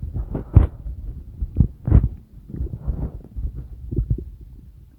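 Loud, deep, continuous rumbling and gurgling with a few louder surges. Ordinary digestive stomach rumbling.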